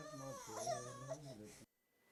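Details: Infant, likely with bronchiolitis during a respiratory physiotherapy session (an 8-month-old girl is treated in this segment), cries with wavering, tonal wails for about a second and a half before the sound cuts off abruptly.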